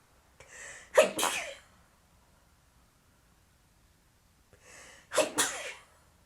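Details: Two sneezes about four seconds apart, each with a short breathy wind-up and then a sharp explosive burst; sneezing.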